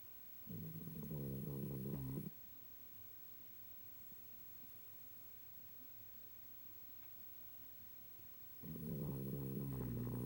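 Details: Sleeping dog snoring, recorded 12/24/18: two long, low, rattling snores separated by a quiet pause of about six seconds; slow, deep snoring.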